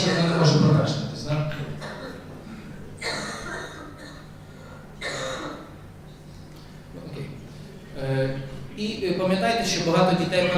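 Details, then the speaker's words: Repeated short throat-clearing coughs in a fit; a typical cough attack of post-nasal drip shown in a talk on chronic cough in children. "Я хочу, щоб ви подивилися зараз типовий напад кашлю, який характерний для постназального затікання, і я думаю, що ви впізнаєте своїх пацієнтів."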